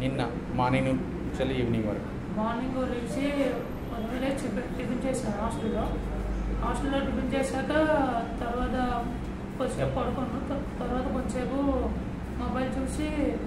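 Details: Young man with puberphonia (female-like, high-pitched voice), recorded before voice and speech therapy, which later changed his voice to a male voice after about 2-3 weeks; puberphonia.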